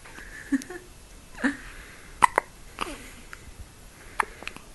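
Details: Small girl's soft, quick, squeaky hiccups repeated about every second, with faint background noise, after she drank very fast while eating; hiccups.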